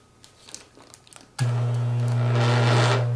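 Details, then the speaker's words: Quiet handling noises, then a steady low motor buzz runs continuously: a dental lab vibrator switched on at its low setting before settling mixed dental stone to pour alginate impressions. "turn the vibrator on low and place the bowl on the work surface"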